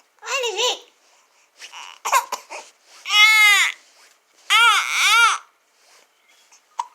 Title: 2-Month Old Baby Fussing About Having Hiccups.. WONDER BABY @ 2 Months. Such a Cutie!